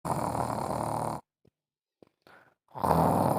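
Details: Adult human snoring, with a Siamese cat present in the room: loud, harsh rumbling snores with a pause between breaths, in a small room.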